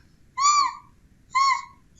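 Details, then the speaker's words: Simulated: adult teacher imitating the wheeze heard from a distance in a child with bronchospasm (closed bronchi); two high whistling, musical tones; wheezing audible without a stethoscope. "Ou quando o brônquio está fechado, que é o movimento da sibilância. Você vai escutar de longe assim, ó."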